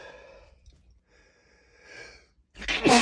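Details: Male, stifled sneezes: soft voiced breaths and a sighing intake, then a sudden harsh, muffled, held-back sneeze burst; he tried to stifle them but they were too strong.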